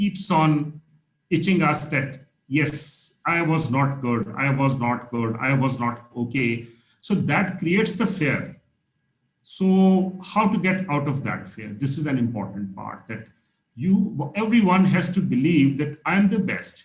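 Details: Adult man speaking; normal speech.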